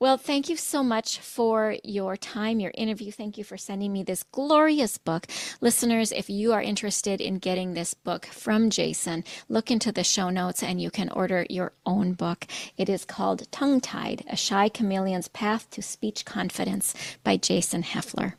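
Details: Adult woman speaking; typical speech.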